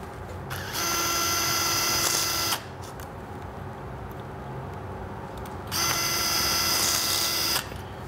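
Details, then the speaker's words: Surgical drill on a model bone in a total knee replacement demonstration: two bursts of high-pitched whining, about two seconds each, drilling a hole up the marrow canal of the bone for an alignment rod. "The first thing we do with a total knee is we drill a hole up the shaft of the marrow canal of the bone and put an alignment rod in here."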